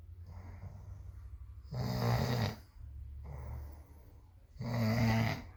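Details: Sleeping dog snoring loudly enough to keep the household awake: loud, rough snores on each breath with quieter noisy breathing between, about two breaths in six seconds.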